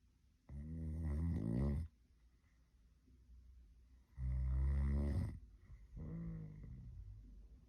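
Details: Tired mother asleep: loud, deep, rattling snores on the in-breath, three in about eight seconds, with quiet gaps between them; snoring.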